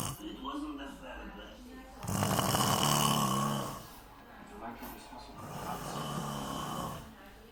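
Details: Loud, low, rattling snores on the in-breaths with quieter breathing between, carrying on even after his nose was squeezed to wake him; ordinary heavy snoring.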